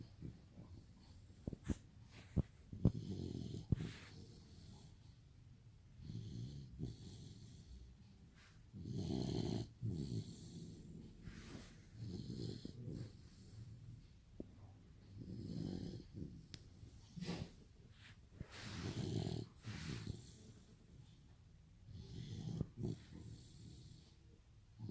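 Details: Sleeping Rottweiler puppy snoring with low, rattling breaths at a slow, regular rhythm, about 16 breaths a minute; snoring.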